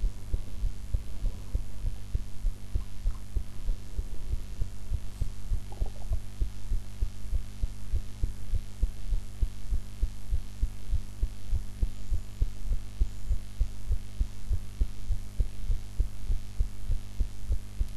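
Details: Own heart sounds recorded after eating, in a different posture from usual, possibly unedited; steady, regular, low heartbeats at about 100 a minute under a constant hum; normal heart sounds.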